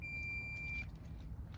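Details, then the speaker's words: Training AED at a park, turned on after pads placed on upper right chest and ribs: a single high steady beep under a second over outdoor hum, power-on tone before voice prompts; AED power-on beep. "as soon as we turn this unit on it's going to walk us through the steps of how to use it so the first step in using the ad is turning it"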